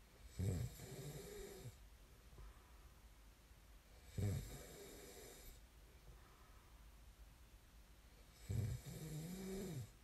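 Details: Snoring ASMR recording: three loud, low, rattling snores about four seconds apart, roughly 14 per minute, each a vibrating inhalation followed by a quiet exhalation.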